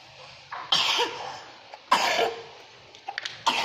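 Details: Young child coughing while playing at cooking: about three short, separate coughs spaced a second or so apart, with faint room noise.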